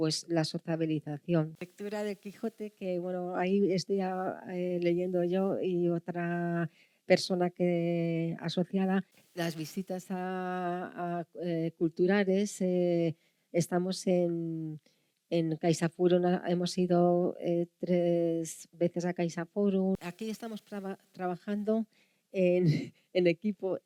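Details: Post-stroke aphasia in a woman who had a stroke 19–20 years earlier at age 34, leaving aphasia and hemiplegia. Speech recovered over years of speech therapy, but she says she still makes an effort to find words.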